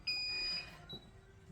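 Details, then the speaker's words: In a care home, pressing a yellow call bell on an ENS Eclipse nurse call system in bedroom 12 sounds a loud, high-pitched electronic alarm tone and shows on the display. "So when a yellow bell is pressed, the same as pushing a push pair. It's the equivalent of the yellow. It makes a noise and you can see it's gone up here TC bedroom 12 says bedroom because of course we also have these things in the bathroom which we're going to take a look at just later"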